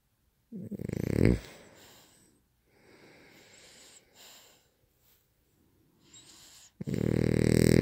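Two loud, rough, rattling breaths with quieter breathing between them, fitting snoring, most likely from a dog.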